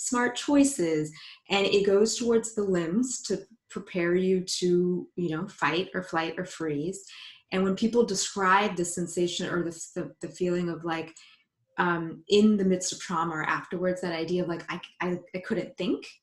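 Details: Adult woman, a psychologist who identifies as a person who stutters, speaking spontaneously in a live panel; stuttering.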